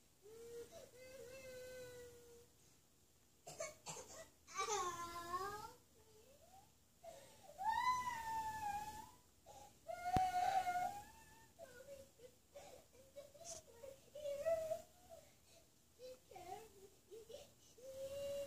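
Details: Child crying and whimpering in broken, wavering bursts with pauses between, in a quiet room; ordinary crying.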